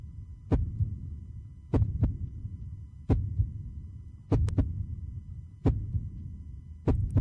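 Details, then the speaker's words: Human heart sound played as an example: deep, booming paired thumps of a heartbeat, slow at roughly 25 beats a minute, over a low hum; normal heartbeat. "De novo. Esse é o som do coração humano. Lembra o quê? Tambores."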